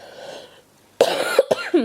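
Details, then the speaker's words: Adult with a tickle in the throat gives a short burst of two or three sharp coughs after a quiet pause. "excuse me um so I had to practice sorry I've got such a tickle in my throat at the moment"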